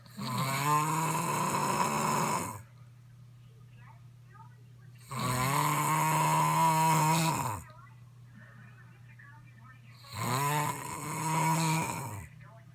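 Three long, loud, rattling snores, each lasting over two seconds, about 12 a minute, with quiet pauses between; heavy snoring.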